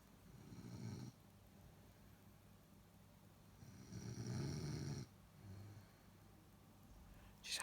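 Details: Two slow, rough, low-pitched snores, each about a second long, separated by quiet breathing in a still room: snoring.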